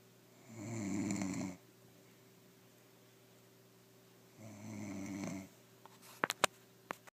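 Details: Snoring: two loud, rough inhaled snores about four seconds apart, with quiet pauses between and a few clicks at the end.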